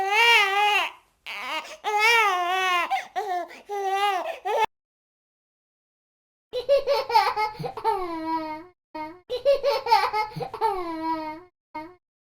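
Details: Newborn on day one of life crying in short, high-pitched wails separated by breaths, with a pause midway before the crying resumes.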